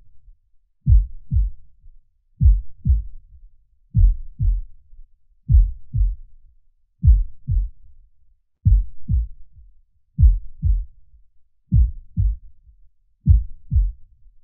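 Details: Slow, steady paired heart thumps at about 39 beats a minute: a normal heartbeat at rest, played with soothing imagery for relaxation.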